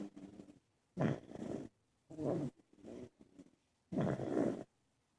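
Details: Several people asleep: rough, rattling snores in repeated bursts with quieter sounds between, in a quiet room; snoring during sleep.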